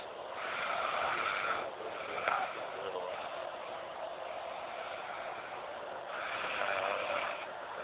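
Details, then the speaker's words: Snoring from a sleeping man who believes he doesn't snore: two rough, rattling breath sounds about six seconds apart over steady room noise. "he so cousin thinks he doesn't snore he may not be able to see us but you can hear and listen"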